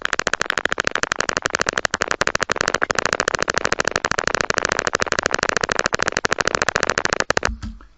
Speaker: here's a recording with the concentric needle electrode this has sounded little more dull and these signals have a slightly lower slope longer rise time and this is the sound of it